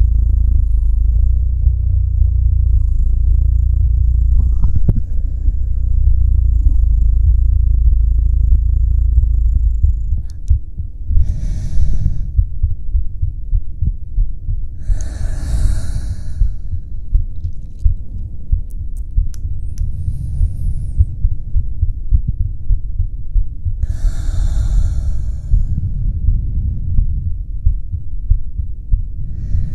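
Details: Cozy ASMR recording for falling asleep: muffled low heart thumps under a deep rumble with a few slow, soft breaths drifting over them; heartbeat with breathing.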